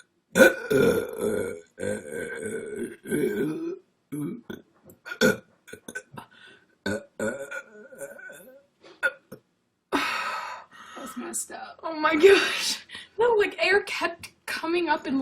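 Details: A string of loud, drawn-out voiced belches with short gaps between them; repeated burping.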